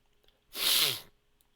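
A single sharp, hissing adult sneeze lasting about half a second in a quiet room.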